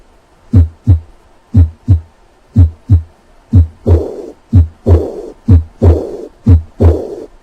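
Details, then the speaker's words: Aortic regurgitation murmur: three normal beats, then a high-pitched, blowing, diastolic decrescendo murmur after S2, very high-pitched, almost gunshot-like; usually heard at the fourth left intercostal space. "the classic murmur of aortic regurgitation is a high-pitched diastolic day crescendo murmur usually heard in the fourth left intercostal space"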